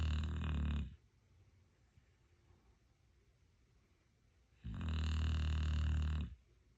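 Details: Dog snoring peacefully: two deep, low rumbling snores about four seconds apart with quiet pauses between, in a small quiet room.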